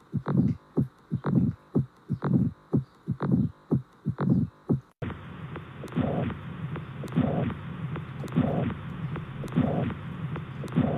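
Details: Clear paired lub-dub normal heart sounds at about 65 a minute, followed by a noisier abnormal stretch with whooshing between beats.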